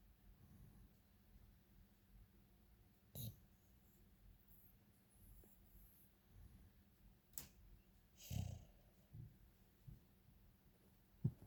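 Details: Soft, low rumbling breaths recur every couple of seconds in a quiet room, with a few sharp clicks and rustles: Indie, a dog, snoring while asleep.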